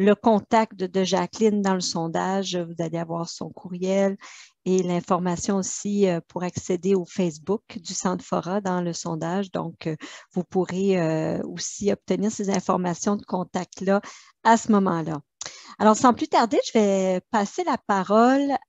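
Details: Adult woman speaking French; Normal voice.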